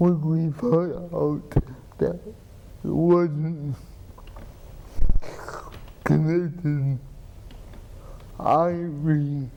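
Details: Adult man with cerebral palsy, treated with an implanted pump injecting medicine into the spine to reduce spasticity; the host repeats his words for viewers; dysarthria (cerebral palsy).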